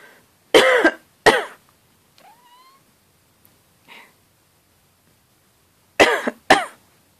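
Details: A person coughs near a sleeping cat, which responds to the cough.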